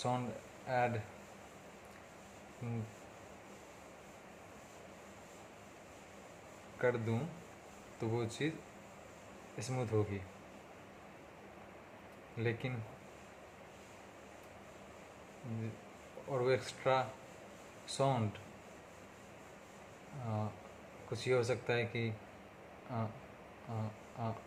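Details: Hindi-speaking adult man on day 37 of speech therapy for his stammering: stuttering.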